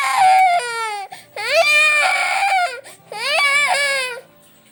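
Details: Loud sustained crying in long wailing bursts with brief gasping pauses from an infant who is sick with fever, cough and a cold.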